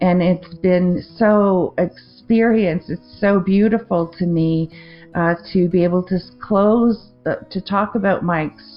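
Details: Adult woman with a 2023 stroke affecting the left-brain language centre, with non-fluent speech, word-finding difficulty, confusion with words and trouble forming sentences; aphasia after stroke.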